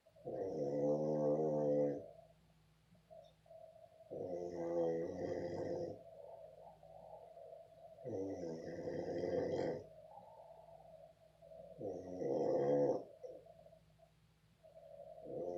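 Slow, regular, loud, voiced snores on the in-breath, about four in fifteen seconds, in a quiet room; ordinary snoring.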